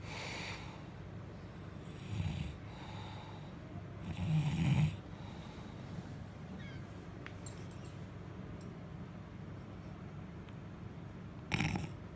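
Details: Father snoring while his baby can't sleep: low rumbling snore bursts recurring irregularly over steady low room noise, with a brief higher sound near the end; ordinary snoring.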